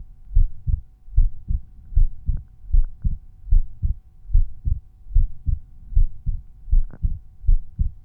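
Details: Resting heartbeat heard at one of the standard auscultation points (Erb's point, tricuspid, mitral, pulmonary or aortic); the point is not specified. Normal heart sounds.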